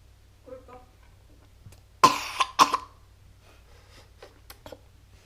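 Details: Sick young girl with a cough, about to take cherry cough medicine: two sharp coughs close together over faint background hum, with soft voice sounds around them.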